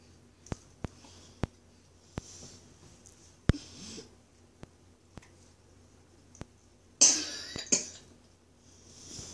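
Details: Young child, one of two siblings aged 5 months and 3 years, gives a short cough then a stronger harsh double cough, attributed by parent to allergies; cough.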